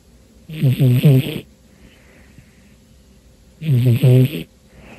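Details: Romeo, a cat, deep asleep on a dark afternoon and very tired, snoring as he usually does when sleeping: two loud, rattling snores with a short gap between them.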